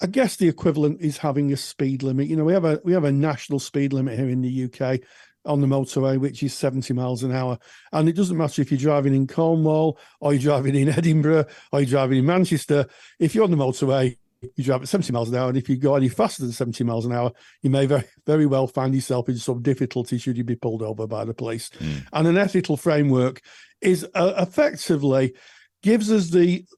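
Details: Adult male speaker; normal speech.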